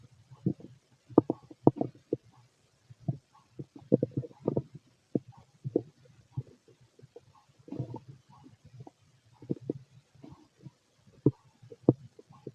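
Frequent gurgling and rumbling bursts of gas and fluid moving through the gut; ordinary stomach rumbling in a healthy adult.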